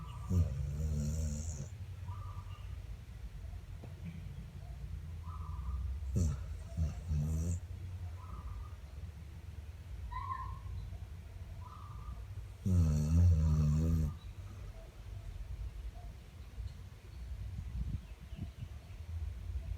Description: Dog snoring like human😆